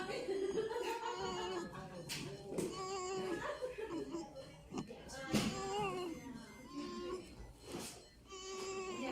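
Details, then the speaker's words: Expiratory grunting in a newborn who developed respiratory distress immediately after birth, with intercostal and subxiphoid retractions and nasal flaring. The grunting sound is not crying and indicates alveolar collapse. "Como pueden ver acá, ese ruido que hace el bebé no es un llanto, es el quejido, ¿no?"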